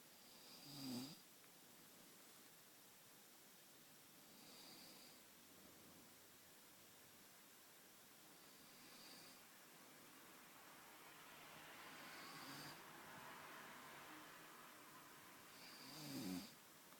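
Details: Snoring captured on recording: quiet, rhythmic, breathy snores about every four seconds, some with a low rattle, in a quiet room, ordinary snoring.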